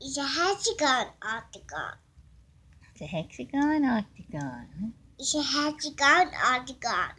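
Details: 3-year-old boy with mild autism spectrum disorder, excited while making favourite shapes, repeating phrases and echoing things his mother said just now and on previous days: echolalia and vocal stimming.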